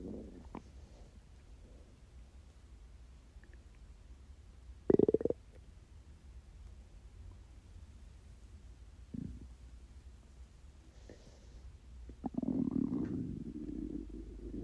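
Scattered low gurgles and one longer rumbling growl from an empty stomach in a quiet room; ordinary hunger growling.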